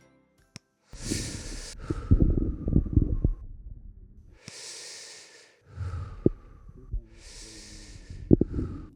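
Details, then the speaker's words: Lung auscultation while examining a patient with mitral stenosis, listening for pleural effusions or crackles suggesting left heart failure; stethoscope breath sounds with brief popping crackles. "listen to the lungs for any plural affusions or crackles suggesting left heart"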